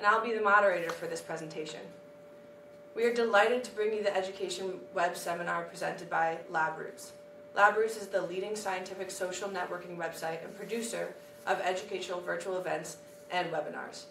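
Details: Adult woman, moderator; Normal speech.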